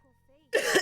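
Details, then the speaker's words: Single harsh, wet-sounding cough burst after a quiet throat noise, from a streamer with a really bad cough whose voice cracks and feels fluid-filled; not asthmatic, uses an inhaler and vapes. "and then I have to cough. I don't know what's going on. Maybe I need another hit of my inhaler."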